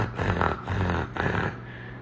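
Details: An adult doctor imitates rattly, snorting breathing, the sound of mucus congestion at the back of the throat, as a simulated example contrasted with wheezing and stridor in children.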